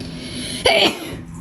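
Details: A single short, explosive burst of air over steady room noise: a sneeze.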